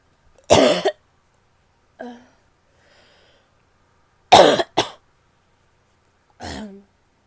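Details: Coughing in a female: about four short, harsh cough bursts with quiet gaps, plus a faint spitting sound; ordinary coughing.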